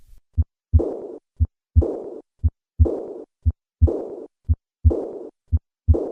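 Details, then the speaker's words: Moderate to severe aortic regurgitation: the diastolic murmur is heard first, then a systolic ejection flow murmur is added; the flow murmur comes from a large stroke volume across the deformed aortic valve and peaks in early systole without significant aortic stenosis. "This murmur typically peaks in the first half of cy in the absence of significant aortic stenosis. I will begin with the diastolic murmur and then add the ejection murmur."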